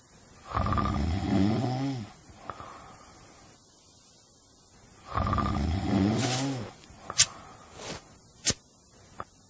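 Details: Snoring.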